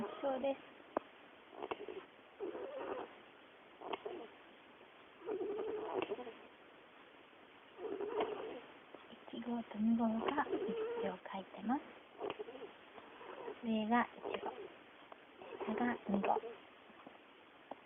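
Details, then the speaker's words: Two 28-day-old young animals sleeping together, one on its back on top and one below, snoring in chorus; soft overlapping snores roughly every two seconds. "1号と3号だ。1号が上、下が3号。2人で合唱しながら寝てます。"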